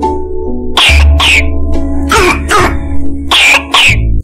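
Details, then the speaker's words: A brassy cough, described by a pediatrician as suggesting tracheal involvement such as tracheitis or tracheomalacia. "If the cough is brassy cough, so it may show that it is an involvement of trachea in the form of tracheitis or tracheomalacia, and the brassy cough sounds like this."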